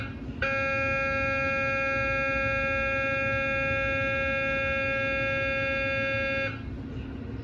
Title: Liver MRI Quality Assurance Scan- GE MRI Scan